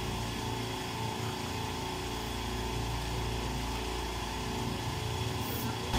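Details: Dental cleaning visit that also included dental sealants: steady whirring motor hum with hissing spray from a dental cleaning instrument running.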